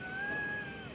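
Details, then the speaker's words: Adult male with COPD in acute exacerbation, breathing in and out deeply on instruction while the lungs are auscultated; wheezing is heard in the lungs. "Nah, ini suara wheezing tuh. Oh, suara mengi di parunya."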